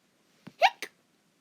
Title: Has Hiccups